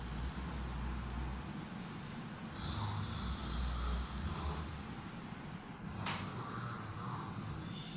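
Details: Low, rumbling snorts and snores recurring every few seconds under constant background noise; snoring during sleep.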